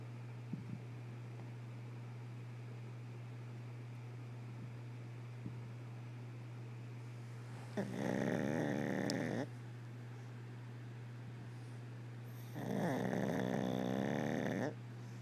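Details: Pug snoring with eyes open: two rattling, fluttering snores over a steady low hum.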